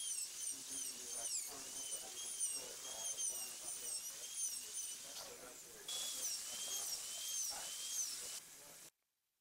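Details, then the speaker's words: High-speed handpiece cutting through enamel on the lingual surface of a tooth, extending the endodontic access outline: steady high-pitched whine with wavering pitch as the bur cuts, then it stops. "cut just through the enamel in the center of the pencil marked area do not force the bur"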